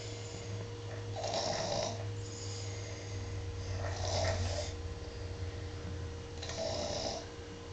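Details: Toddler who fell asleep while eating lunch: rhythmic rough, rattling snores on each breath, about 23 a minute, over a steady low room hum.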